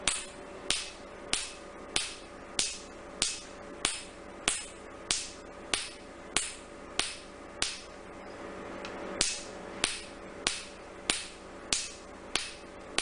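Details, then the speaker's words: Sharp regular snapping clicks at about 95 a minute over a steady machine hum: Nd:YAG Q-switched laser pulses in R20-technique tattoo removal on a male patient after 2 prior sittings, no anesthesia, painless; white spots appear. "This is the NDI Q-switch laser being done on this tattoo. It has got no pain and patient is very comfortable."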